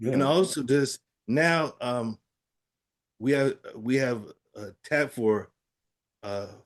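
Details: Aphasia after a stroke in an adult man; finding: aphasia.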